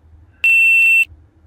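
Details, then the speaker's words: Simulated low heart rate on an IoT heart attack detection and heart rate monitor: finger removed from the sensor, rate read zero, below the safety line. A steady high-pitched buzzer sounds about half a second, with a red display alert. "as you can see the next hardbeat that was recorded by the system that is zero and uh this is uh below the allowed rate or the permissible rate or the safety line and thus as you can see it send the data accordingly to be on line system and sounded a buzzer and also alerted the user with a red display message there"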